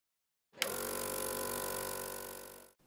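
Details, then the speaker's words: Switch click, then steady motor hum and hiss as a suction machine starts, runs and stops, being turned on for emergency suctioning of a child's plugged tracheostomy tube; training demonstration. "turn on the suction machine"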